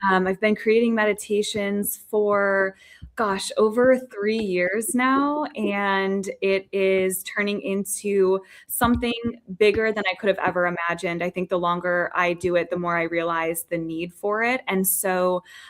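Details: Adult woman speaking; normal voice.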